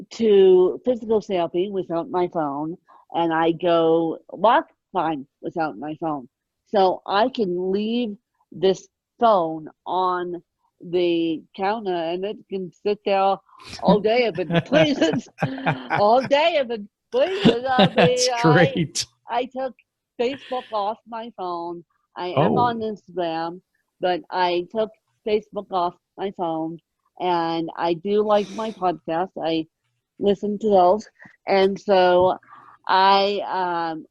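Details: Adult woman born with moderate ataxic cerebral palsy, mid-spectrum, needing 24-hour care; ataxic dysarthria.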